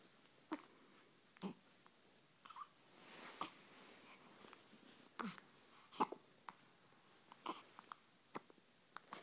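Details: Brief sharp catches about once a second in a quiet room, about a dozen in nine seconds, a bout of hiccups.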